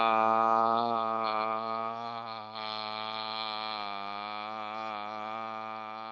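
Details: Voice after 16 sessions of voice therapy, smoother, more controlled, less gravelly and less pressed than before; improved voice quality after voice therapy.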